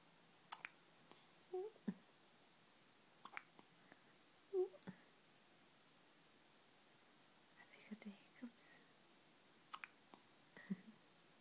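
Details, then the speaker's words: Infant hiccups after a big feed: soft, brief, abrupt catches recurring irregularly in a quiet room, with faint whispered voice between them. "have you got the hiccups, lovey?"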